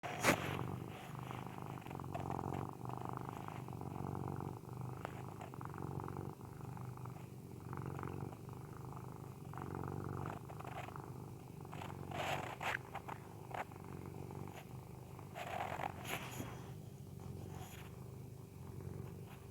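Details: Sleeping Persian cat gives a steady, low, rumbling snore with a few faint clicks and rustles; snoring.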